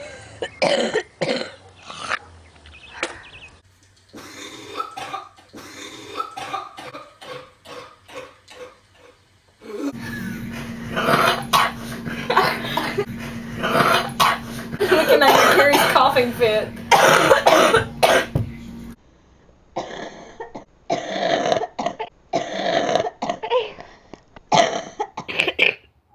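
Repeated harsh, wet-sounding coughs in several bursts, fitting a chesty, productive cough.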